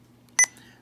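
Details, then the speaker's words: Sapphire IV infusion pump in-service training (ambulance district): single short electronic beep as a touchscreen key is pressed while scrolling the pediatric drug list, over faint room hum; infusion pump keypress beep. "now if you [Music] don't want to type the drug name in there you can simply bypass this by just tapping find and now you can scroll through the entire list of medications that is in the pediatric drug list"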